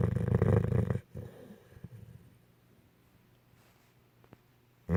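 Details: Dog (Bogie) snoring while wearing a cone: low rumbling, rattling breath noise for about a second, then quieter irregular breathing sounds.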